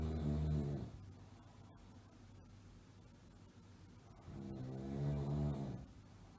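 Two low, rattling snores separated by a quiet exhale, roughly one breath cycle every four seconds; snoring from a sound-effect recording.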